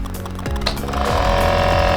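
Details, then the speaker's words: An Omron NE-C101 compressor nebulizer, bought for a child, is switched on; the motor settles into a loud, steady, buzzing hum, its normal noisy compressor running sound. "Suaranya memang cukup berisik ya, karena ini memang kompresor untuk ini."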